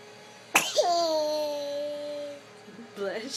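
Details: Someone's habitual sneeze, the same every time since his first sneeze: a sharp burst with a drawn-out, high voiced tail, then a second quick burst.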